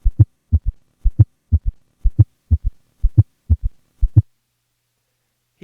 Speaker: First, here's a patient with both a S3 and an S4 at a heart rate of 60 beats per minute, with recording made during expiration and thus without an S2 split.